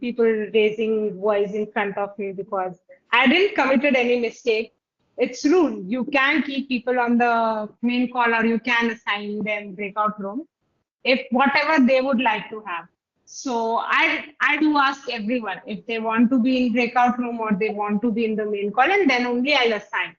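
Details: Adult woman; ordinary speech.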